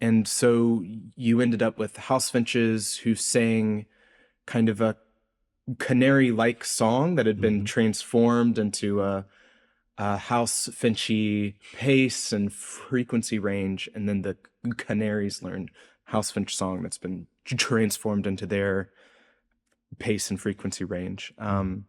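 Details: Adult researcher who says he has a speech impediment heard throughout the interview; word repetitions in this stretch; stuttering (disfluent speech).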